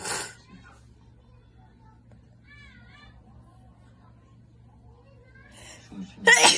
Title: Wide Nose Sneezes Philippines.